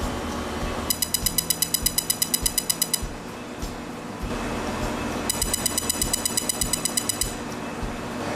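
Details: Steady rapid clicking pulses, about 167 a minute, in bursts over room noise, as a CO2 laser vaporizes a mole on skin in live surgery after numbing with pressure and a vibrating massager.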